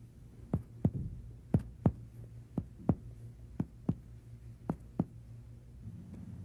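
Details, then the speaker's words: Ten sharp finger-percussion taps in pairs across the left chest in a physical examination teaching demonstration: resonant pulmonary note laterally changing to cardiac dullness medially. "percussion reveals pulmonary resonance laterally and cardiac dullness medially"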